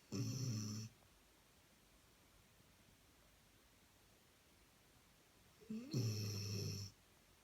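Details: Chip snoring: two rumbling snores about six seconds apart, separated by quiet breathing; snoring.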